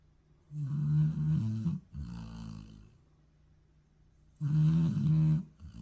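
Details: Dog taking an afternoon nap: loud, buzzing rumbles on the in-breath with quiet pauses between; snoring.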